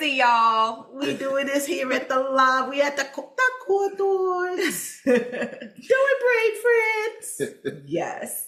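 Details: Aphasia after stroke in an adult woman, about seven years post-onset; aphasia.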